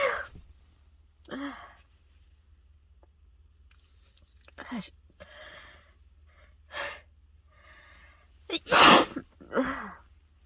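Several sneezes in a row with sharp in-breaths between them, ending in a loud burst and a final sneeze; repeated sneezing.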